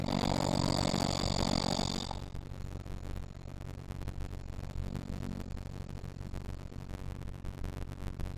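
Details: Snoring recorded with the SnoreLab app: one loud, rough, rattling breath-in lasting about two seconds, then a quiet low rumble; an adult snoring in sleep.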